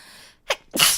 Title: くしゃみまとめ / Sneeze Compilation